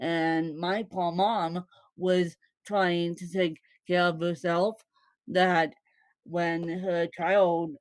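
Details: Woman born with cerebral palsy, with no speech disorder named: dysarthric speech (cerebral palsy).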